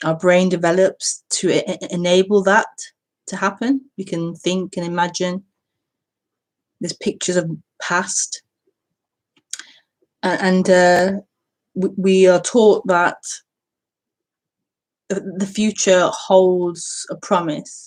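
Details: Self-reported stuttering in a female speaker during live spontaneous speech.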